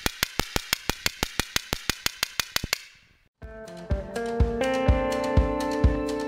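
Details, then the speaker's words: Equine shockwave therapy device, spark plug discharging inside a fluid bladder applicator, activated by foot switch, used for soft-tissue injuries in horses: rapid regular sharp clicks about two per second, then musical tones. "What you're hearing is that small explosion going on in that spark plug, which is housed inside of the fluid bladder."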